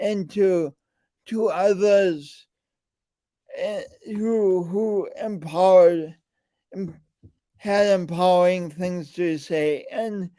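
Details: Man with a speech impediment and coordination differences present since birth, still ongoing; speech impediment with disfluency.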